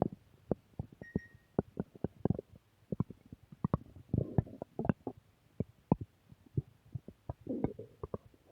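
Repeated short gurgles, pops and rumbling bursts from the belly, typical of ordinary stomach growling (bowel sounds).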